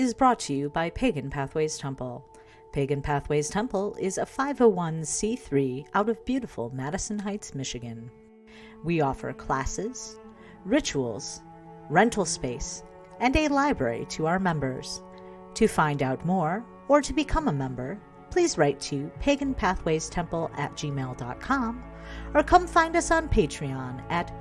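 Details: Adult speaker; normal voice.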